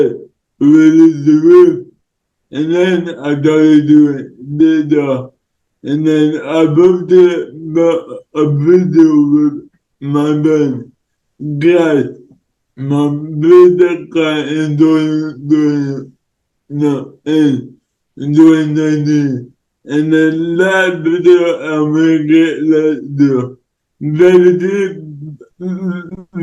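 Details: Male influencer with cerebral palsy; dysarthric speech in cerebral palsy, no specific speech disorder named.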